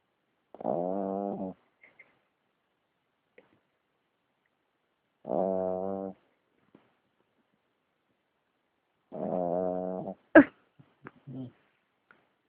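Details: Puppy (little dog with a very bad snoring problem) asleep: three drawn-out, buzzing snores about four seconds apart in a quiet room, then a brief sharp noise; snoring.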